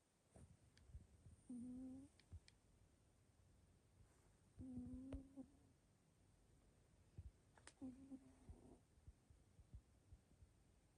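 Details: Loud snoring from a sleeping cat, about 3 years old and turning 4 (a Scottish Fold is mentioned), recorded February 2025: steady buzzing snores about every three seconds, roughly 19 breaths a minute; owner calls it fairly loud.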